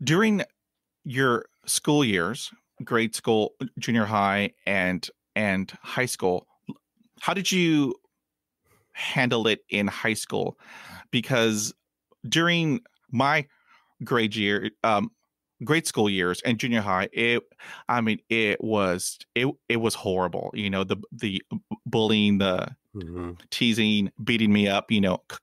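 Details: Adult male podcast host who hid his stuttering for about 35 years and still stutters; real, non-acted speech; stuttering.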